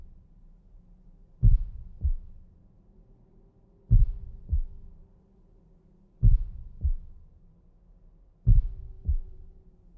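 Four paired low thumps, lub then dub, at a slow regular spacing of about 26 beats a minute, with a faint hum behind.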